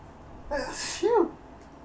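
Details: A sharp inward gasp then one forceful, voiced sneeze from a boy with allergies during repeated bouts of sneezing: allergic sneeze.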